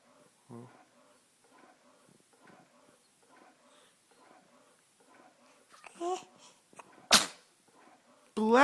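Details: Six-week-old infant yawning then sneezing: soft rhythmic background sounds, a small yawning cry, then one sharp sneeze burst followed by a cry onset.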